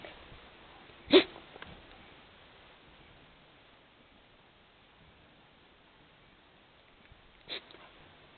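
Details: Shiba Inu dog sneezing after mischief: two sharp, explosive nasal bursts about six seconds apart in a quiet room; sneezing.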